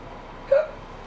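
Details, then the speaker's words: A newborn girl on her first day home, held over the shoulder, has hiccups: a single short, high-pitched catch of breath over quiet room noise. "it out a oh poor g i hate getting the hickups we have to startle her maybe no i don't think that's a good idea"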